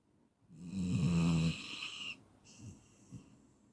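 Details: Snoring from a 15-minute sleep-inducing recording: one loud, rattling snore on the in-breath, then a softer breath out; typical snoring.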